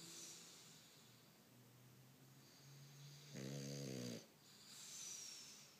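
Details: Sound-asleep English Bulldog giving soft, whistly breaths, then one louder rattling snore on the in-breath; ordinary snoring.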